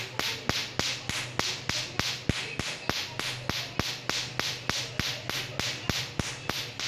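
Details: Tattoo removal laser firing rapid pulses: sharp, regular snapping clicks about 200 a minute over a soft hiss.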